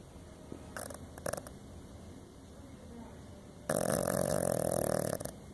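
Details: Small dog snoring: a loud, rough, rattling snore on a breath after quieter snuffles.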